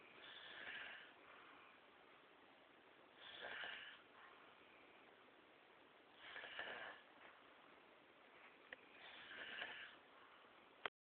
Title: snoring duo